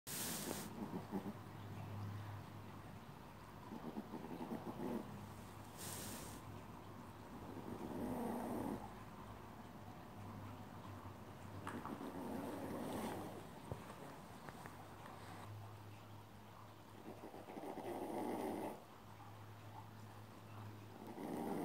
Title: Snoring Brownie🐶